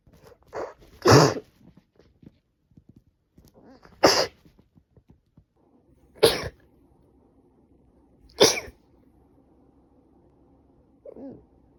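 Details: Four sharp, explosive sneezes, some preceded by a short breath in, with a faint voiced sound at the end, from a woman with a cold who has been sneezing badly for about three days.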